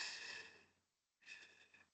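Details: Human chest, heard during a chest examination: vesicular breath sounds, the normal lung breath sounds.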